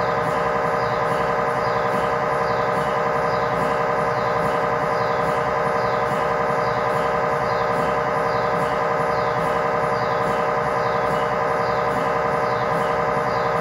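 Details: Test tibia/fibula (lower-leg) MRI scan in a controlled environment with a GE high-definition lower-extremity coil: steady, loud, rhythmic knocking and humming about 92 times a minute; normal MRI scanner noise.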